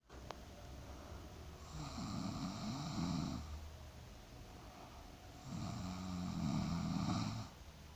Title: My snore live💓